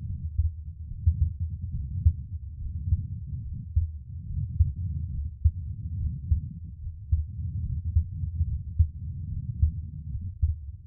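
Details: Adult man's own heartbeat recorded for ASMR relaxation: soft, steady low thumps at about 71 beats a minute; a normal heartbeat.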